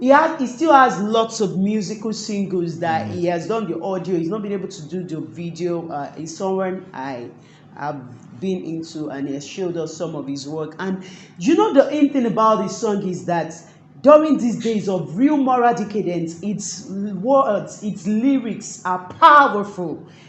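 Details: Adult speaker; ordinary speech.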